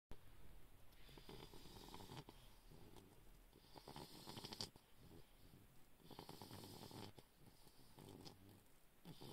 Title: Snoring bulldog puppy